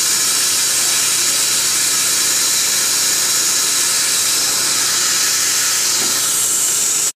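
Steady high-pitched hiss and whine of dental equipment running throughout, with no pauses.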